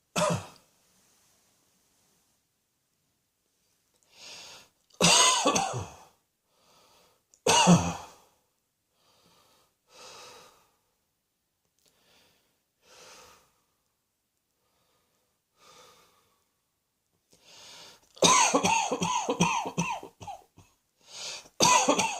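Repeated loud coughs from an adult, some with quieter breaths between, ending in a rapid run of coughing in a quiet room.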